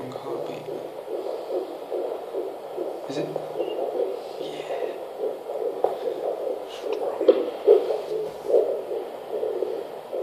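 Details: Fetal heartbeat at 15 weeks 5 days, 145 bpm, on a handheld Doppler: fast, rhythmic whooshing pulses with steady background hiss.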